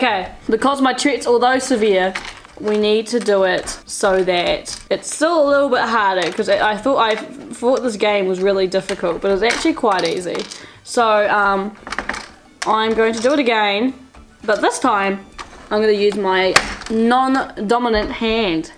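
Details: Teenager with Tourette syndrome speaking while playing a game; vocal tics may occur during speech.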